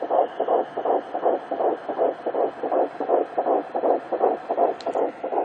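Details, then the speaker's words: Fetal heartbeat on a home fetal Doppler at 11 weeks 2 days (third pregnancy), found on the left side: rapid, regular whooshing "washing machine" pulses at about 150s–165, around 162 per minute. "that is the sound of the little washing machine. Heartbeat between the 150s, 160s, 165, 162."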